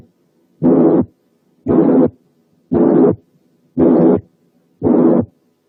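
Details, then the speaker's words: Harsh, rasping systolic murmur: five loud murmurs repeating steadily at about 57 a minute, given as an example of harsh quality in contrast to the blowing murmur of mitral regurgitation. "وعشان نقدر نابريشيت الكواليتي دي كويس، تعالوا نسمع مثال من هارش ميرمر، يعني فيها خروشة."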